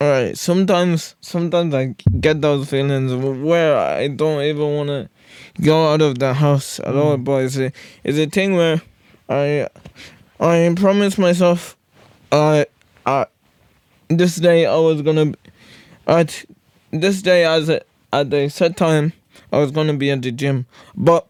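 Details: Wheelchair user with cerebral palsy; one host says he stuttered badly as a child, improved with speech therapy, and still stutters a lot; stuttering (speech disfluency) in cerebral palsy.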